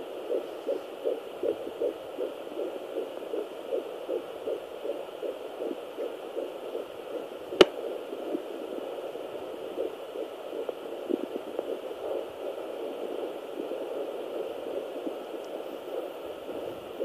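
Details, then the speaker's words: Fetal heartbeat at 11 weeks 6 days on Doppler: rapid, regular whooshing pulses, roughly 160 beats a minute, with the baby moving away from the probe. "we're going to attempt to find the baby's heart right now."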